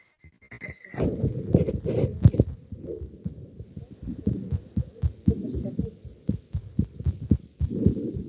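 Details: Cardiac auscultation of patient 524 through a stethoscope: regular heartbeat thumps with handling noise and a brief tone at the start; heart sounds.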